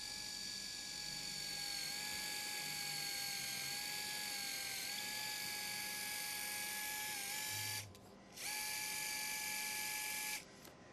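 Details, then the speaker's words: Steady high-pitched motor whine with a brief pause from a power wire driver passing a wire lateral to medial through the leg at the proximal tibial ring, Charcot midfoot reconstruction with external frame, type 2 diabetic with neuropathy. "so I have my assistant hold the leg we're going to pass the first wire from lateral the medial and the proximal ring"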